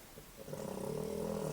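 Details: A low, rumbling snore building over one breath from a sleeping dog being told to stop snoring: dog snoring.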